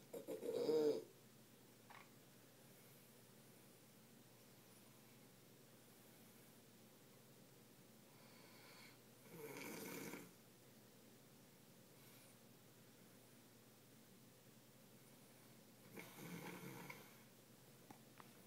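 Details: Man asleep in a Dallas hotel room before Super Bowl 45: three snoring bursts several seconds apart, quiet breathing between, in a quiet room; snoring.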